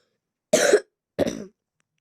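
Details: Person apologizing for coughing because they fell ill: two short, harsh coughs in a quiet room; cough.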